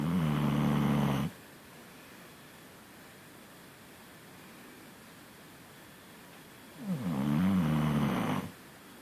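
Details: Snoring during sleep; two loud, rattling, low-pitched snores separated by several seconds of quiet.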